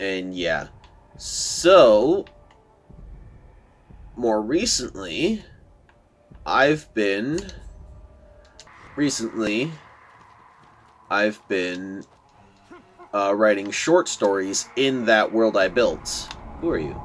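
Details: Adult man who says he stutters a lot, giving casual commentary over gameplay; word repetitions are heard. Finding: stuttering.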